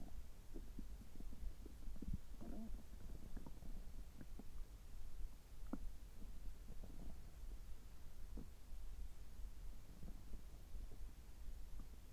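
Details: Adult drinking water just after upper endoscopy (gastroscopy), result normal: irregular low gurgles and rumbles from the abdomen; ordinary bowel sounds.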